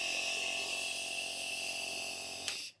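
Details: Omron NE-C106 compressor nebulizer running at home with saline only, no medicine, for a child: steady loud hiss and constant motor hum producing fine mist, then cutting off.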